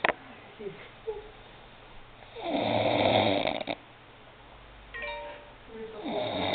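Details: Person asleep after a game of Dixit: one loud, rough, rattling snore on inspiration, a quiet pause, then the next snore begins; faint room sounds; snoring.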